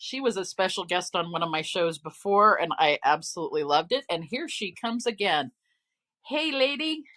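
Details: Adult woman speaking; normal voice.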